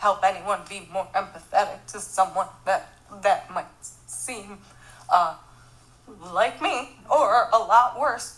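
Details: Spasmodic dysphonia in a 46-year-old woman with aggressive multiple sclerosis, to which the narrator attributes it.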